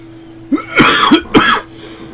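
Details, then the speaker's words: 54-year-old man with a fever of 102.4°F, dangerously sick, holding his head while coughing: a quick run of three or four forceful coughs with a hoarse, rough edge. "wanted and I hold my hand against my head while coughing like that because I have a tendency to to snap my head forward when I cough"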